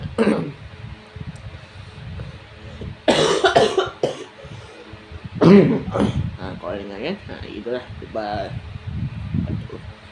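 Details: Strong, harsh, repeated coughing from a boy who has been coughing during the fasting month (Ramadan), mixed with talking in a small room.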